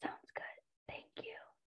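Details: Whispered speech with no vocal fold vibration, from turbulent airflow: 0 Hz frequency, 35 dB intensity, jitter and shimmer undefined; self-rated Voice Handicap Index 79 (severe); aphonia (whispered voice).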